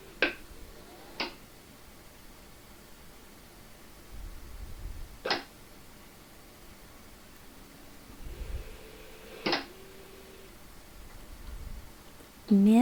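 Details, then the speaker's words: Elisa ICU ventilator running its 55-second system test with the Y connector blocked: sharp mechanical clicks and clanks at irregular intervals as it checks the inspiratory valve, expiratory valve and flow. "System test duration is 55 seconds you will hear some clanging noises that is the machine checking the inspiratory valve the exper valve and the flow"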